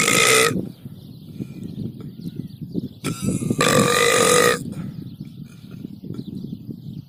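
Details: Cow burping: two long, loud, rough belches with quieter rumbling and breathing between them; cattle eructation.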